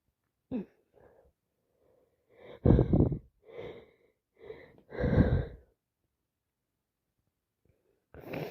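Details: Person after three successive colds now turned into sinusitis: a run of wet, explosive sneezes with breathy catches between, then a short nose blow; repeated sneezing.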